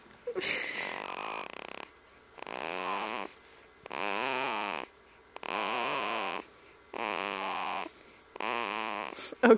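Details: Six loud, rattling voiced snores about two seconds apart with brief quiet pauses, from a pet that had been doing this for about 2 minutes; snoring.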